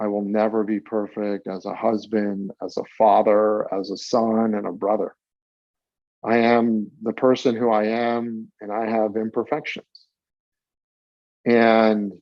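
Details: Stuttering in a 42-year-old adult who has stuttered since about age eight, with several years of school-age speech therapy; real, not acted.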